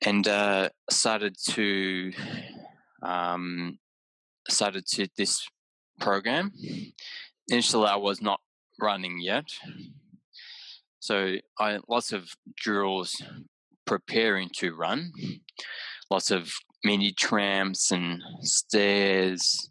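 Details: Adult man with aphasia after a haemorrhagic stroke caused by an AVM at age 34, recorded about six years later; right-sided deficits, vision issues, word-finding difficulty, mixing up similar objects; aphasia.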